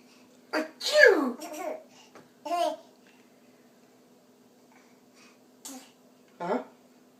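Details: A child's playful imitated sneezes: a rising breath, then a sliding "ah-choo", repeated on request. These are pretend sneezes, not real ones.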